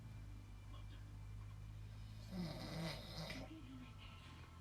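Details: Husband snoring while asleep: one brief, rough snoring breath with a fluttery rattle over a low background hum.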